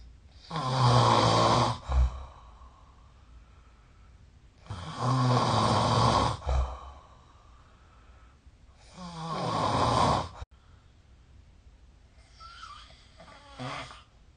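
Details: Snoring recorded with the SnoreLab app during sleep: three loud, rough snores on breathing in, each ending in a snort, then a faint fourth, about 14 breaths a minute.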